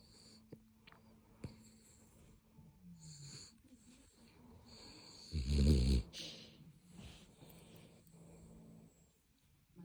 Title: The snoring chihuahua, the cutest thing ever ❣️🥰 #chihuahua #snoring #cutebaby #icandothisallday